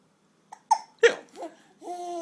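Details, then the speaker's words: Adult man (dad) with hiccups: a few abrupt, jerky hiccup sounds mixed with a young child's laughter. "Hiccup. Hiccup. Dad's got the hiccups. Hiccup."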